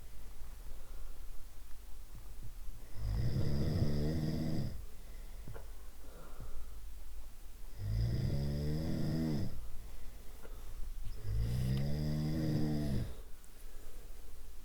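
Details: Three loud, rattling snores on the in-breath with quiet pauses between, about 12 breaths a minute, from a sound library of different snoring types; snoring.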